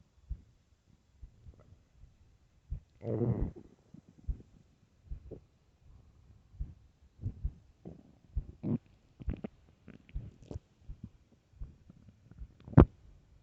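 Low gurgling rumbles and frequent soft pops, with one longer growl, ordinary stomach growling on an empty stomach.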